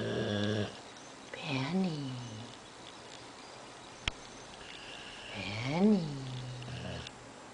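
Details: A sleeping dog having a bad dream, snoring: two slow, rumbling, whining snores with a quiet pause and a faint click between them.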